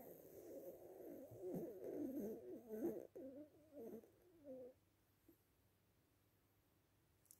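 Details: Cat in deep rest at 10 a.m.: soft, rough, rattling breath noises for about five seconds, then quiet, snoring.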